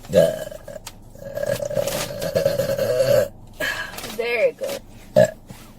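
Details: Adult woman burping in a small room: several loud, drawn-out voiced belches with shorter burps between them.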